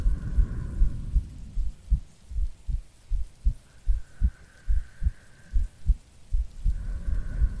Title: [ASMR] Girlfriend Sleep Aid 10 hours - Breathing & Heartbeats to help you sleep | RAIN [No talking]